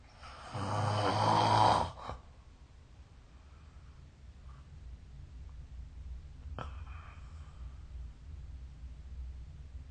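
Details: One loud, rattling snore on a breath in, then quiet breathing with faint room noise; snoring during sleep, recorded with the SnoreLab smartphone app.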